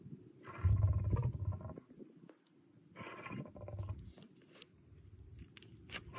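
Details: Smokey, a large cat, sneezing twice; two forceful, deep nasal bursts a couple of seconds apart.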